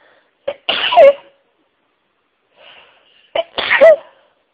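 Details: Two sharp sneezes, each with a quick catch of breath before the burst, part of a sneezing fit set off while listening to other people's sneezes.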